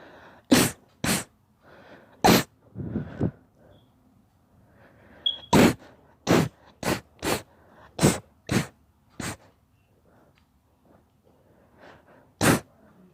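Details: A daughter sneezing about a dozen times in a run: sharp, explosive sneezes, some close together, with quieter breaths between; repeated sneezing.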